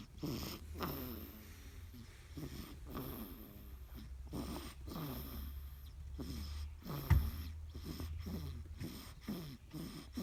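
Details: Sleeping newborn baby girl in a car, with soft, rhythmic, snuffly snoring on each breath over a low car rumble: normal infant snoring.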